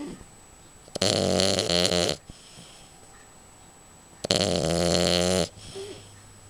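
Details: Snoring during sleep: two loud, buzzing, rattling snores on inhalation, about one second each, separated by quiet exhalation.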